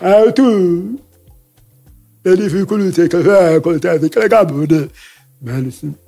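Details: Deaf speech in a man who lip-reads, whose hearing loss followed a childhood illness; he says his voice has not been normal since then, speaking French.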